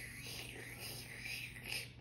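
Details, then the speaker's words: Tracheostomy suctioning demonstration by nurse: steady airy suction hiss as the suction catheter is rinsed between passes, 60 seconds before the second pass. "alrighty I'll put that mask back on go ahead and rinse my suction cap"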